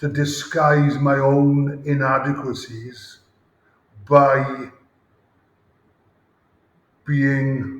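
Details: Adult male former rugby player with a lifelong stammer since about age 5-6, with blocks and speaking difficulty under pressure; stuttering (stammering).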